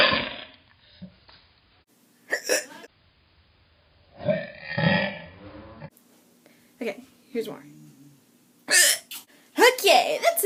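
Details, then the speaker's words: Person sitting and hiccuping on camera, some hiccups played in slow motion: several sharp, abrupt hiccup sounds with quiet gaps between them; hiccups. "so here you go I'm just going to sit here and hiccup maybe I'll do some of these in slow motion yeah yeah very cool"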